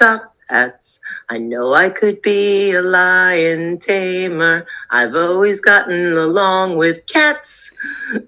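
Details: Adult speaker; speech.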